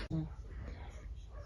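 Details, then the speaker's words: Low, rumbling, fluttery snoring from a dog breathing in its sleep in the background of a small quiet room. "can I just apologize for my dog snoring in the background that you can probably"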